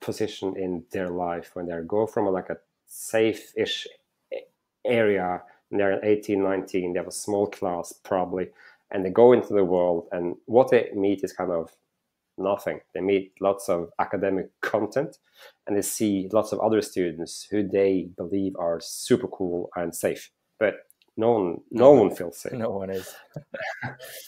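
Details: Stuttering in a male startup founder who says he stutters, that it can be heard in his speech, and that he stuttered a lot when raising his hand in class.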